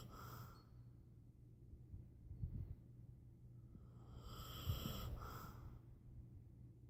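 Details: Two low, rough, rattling breaths a few seconds apart over room hum during sleep; snoring.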